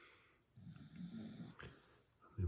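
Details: A sleeping small pet dog gives a low, rumbling snore lasting about a second, then a brief snort and the start of another breath: ordinary snoring.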